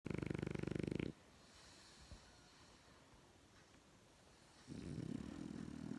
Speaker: She fucking snores louder than me. She snores louder than me.